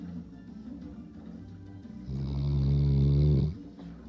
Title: loudest dog snore like ever